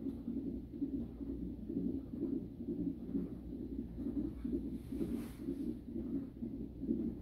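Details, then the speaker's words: Fetal heartbeat on Doppler during a 37-week non-stress test for high-risk pregnancy; rate goes up when the baby moves, then back down, read as a healthy baby. "When the baby will move, the heart rate will go up, then downwards. So meaning the baby is healthy and happy."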